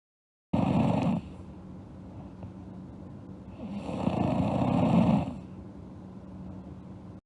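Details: Two loud, rough snoring breaths a few seconds apart over quieter breathing, from a girl snoring during sleep; ordinary snoring.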